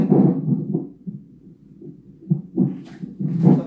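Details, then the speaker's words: Muffled whooshing fetal heart tones on an external fetal monitor ultrasound transducer with gel on the abdomen, heart rate about 134 to 136 a minute, normal, with a tocometer at the fundus showing little contraction. "usually the baby so it monitors the baby's heart rate so the baby's heart rate right now is about 136 134 a minute"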